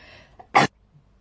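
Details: A girl takes a short intake of breath, then gives one sharp, explosive burst of air: a single sneeze.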